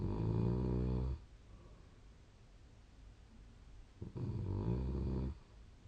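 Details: Two loud, low, rattling snores about three seconds apart with quiet breathing between; heavy snoring during sleep, snore score 47.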